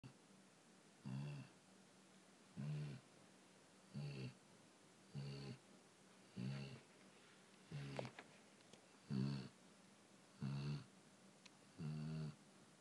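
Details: Senior chow chow dog asleep on his bed, relaxed and not running in his sleep, said to snore all night long: steady, regular rattling snores at about 44 a minute against a faint room hum; snoring.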